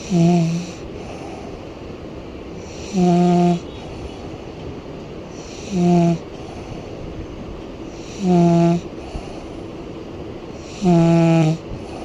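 Loud, buzzing, tone-like snores recur about every two to three seconds, five in twelve seconds, over steady background noise.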